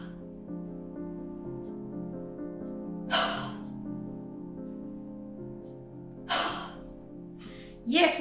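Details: Huff cough demonstration, forced expiration technique for post-COVID recovery: a deep breath in, then three forceful open-mouthed huffs over soft music to clear phlegm, done three to four times.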